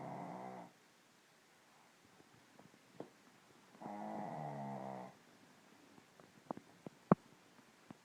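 Two rough, rattling snores, about 3 seconds apart, with quiet gaps and a few soft clicks between them; snoring in a sleeping dog.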